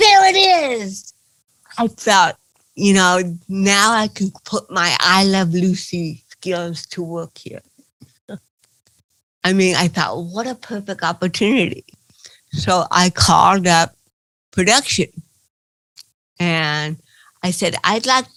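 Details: Adult woman with cerebral palsy speaking in an interview: dysarthria (cerebral palsy).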